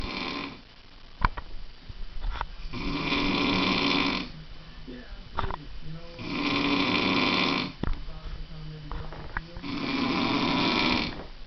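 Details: Loud, rough snores about every four seconds, roughly 15 per minute, with quieter breathing between them; snoring.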